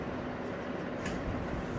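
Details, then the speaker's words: Demonstration of a small external suction machine connected to the suction port of a Huger GVE 68Q video gastroscope on a VIS 68 processor: a steady low motor hum with hiss as suction pressure builds; pressing and holding the scope button increases suction. "Yeah, you can hear the suction pressure coming, and whenever you want suction, just press this button, press and hold this button, and the suction will increase."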